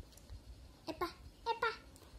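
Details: Child with a cochlear implant in speech therapy practising L-sound words, attempting a word after a parent's prompt; speech attempt by a child with a cochlear implant.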